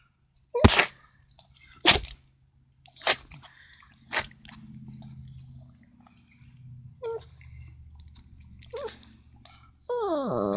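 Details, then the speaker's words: Dog having a sneeze attack: four sharp, explosive nasal sneezes about a second apart, then snuffling and a brief whine. "Good, you okay? You having a sneeze attack?"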